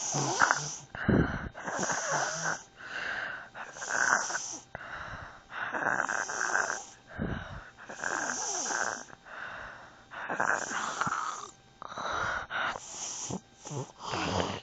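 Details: Loud, fast, harsh snoring with a whistling, wheezy edge, about fourteen breaths in fifteen seconds; noisy snoring.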